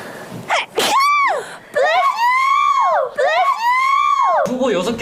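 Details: Young man, a K-pop idol, sneezing: a sharp, brief sneeze burst, then long, high-pitched, wavering vocal squeals, probably laughter.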